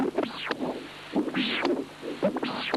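Rough, irregularly spaced whooshing Doppler bursts, one per beat, in atrial fibrillation: outflow tract flow near an aortic bioprosthesis, with aliasing.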